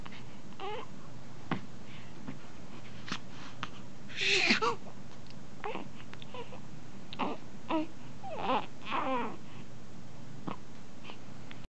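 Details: Soft, brief fussing cries and grunts with one sharper burst from a newborn on day 1 of life, against steady room hiss; ordinary newborn crying.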